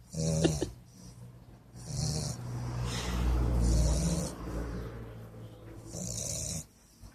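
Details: Bulldog napping after a long morning: loud, rumbling, wet snores with snorting and hissing breaths over several long noisy cycles; heavy snoring typical of a flat-faced dog.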